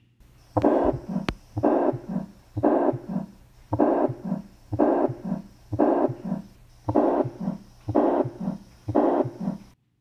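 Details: Teaching audio clip of a tricuspid regurgitation murmur, replayed in review: regular heartbeat near 60 a minute with a long blowing murmur filling each systole.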